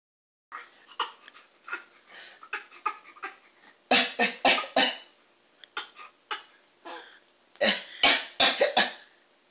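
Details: Persistent coughing fit: repeated harsh, forceful coughs in clusters, about two dozen bursts, with short throat-clearing sounds between. Cough.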